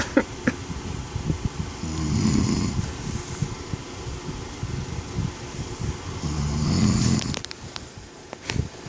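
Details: An adult man snoring in his sleep: two low, rumbling inspiratory snores about four to five seconds apart.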